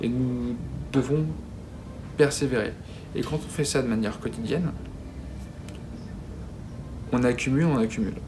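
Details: Adult man who has stuttered at least since his school years, describing it as a daily disability shown as repetitions and blocks: stuttering.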